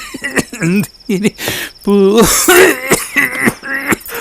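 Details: Acted adult coughing in a cough-syrup TV commercial: several short harsh coughs with vocal sounds over steady background noise.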